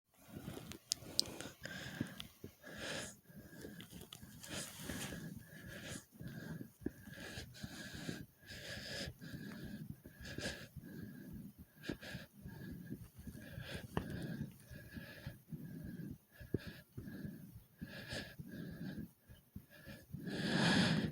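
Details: Rapid, deep, audible breaths in quick succession after doing 30 jumps in place, with heart beating fast: normal heavy breathing after exercise.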